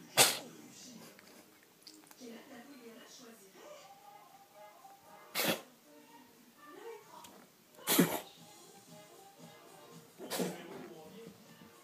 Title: BONUS - Le CHAT qui ÉTERNUE !